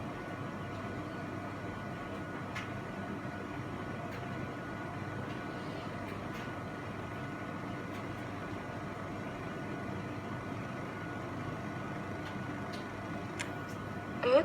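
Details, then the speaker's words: Automatic blood pressure cuff pump inflating with a steady motor hum and faint whine during a home measurement on a boy told not to talk or move; the reading is 82/41. "Hazırsanız ölçme başlıyoruz Lütfen konuşmayınız ve hareket etmeyiniz"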